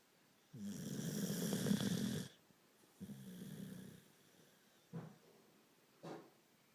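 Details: Dog sleeping on his back snoring: rough, fluttering snores, one long and one shorter, then two brief snorts, in a quiet room.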